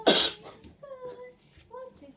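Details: Sneezing fit: one sharp, explosive sneeze-like burst, then quiet voice sounds in a small room; afterward she says she overdid the sneezing.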